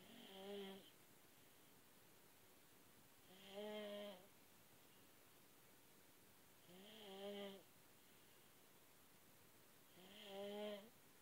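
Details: Two-year-old snoring: regular tonal buzzing snores, about four in eleven seconds, roughly 18 a minute, with quiet gaps between.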